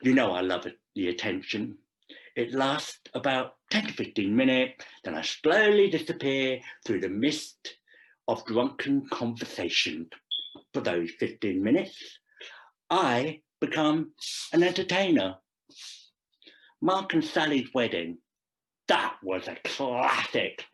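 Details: Deaf speech from a Deaf adult male actor performing a script about a profoundly deaf man who speaks.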